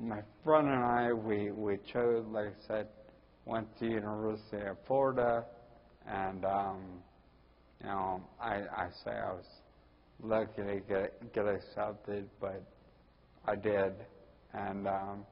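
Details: Ataxic dysarthria in a 41-year-old man with Friedreich's ataxia, which also causes his balance problems and walking difficulty.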